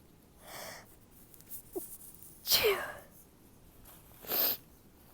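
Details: Stifled sneezes: soft breath-in followed by quiet, muffled, hissing bursts, two to three in quick succession.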